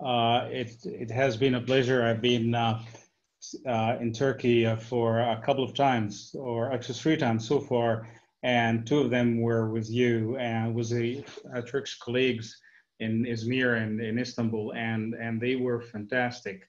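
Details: Adult man speaking; ordinary adult male speech.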